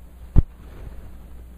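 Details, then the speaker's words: Two dull low thumps, well apart, made by tapping a stethoscope to imitate normal S1 (mitral and tricuspid closure) and S2 heart sounds in a teaching demonstration. "Now, when you have your stethoscope, you can actually hear this inside your ears. It's like a little small subtle sound."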